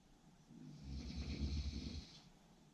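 One low, rough, rattling snore on a breath in, rising and fading over about a second and a half in a quiet room.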